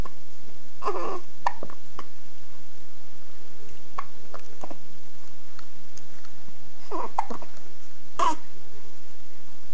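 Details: Infant hiccupping: short, abrupt catches of breath with small vocal squeaks, recurring irregularly over noisy room sound.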